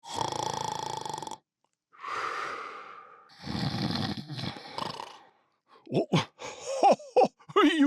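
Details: Simulated snoring from a Hallmark animatronic Santa Christmas ornament, a recorded toy imitation: long rumbling snores and a sighing breath, then Santa's recorded voice starts speaking as he wakes.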